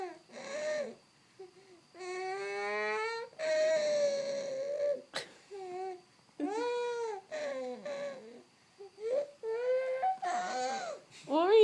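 An infant cries in bouts broken by pauses and short catching breaths, a gasping episode during crying.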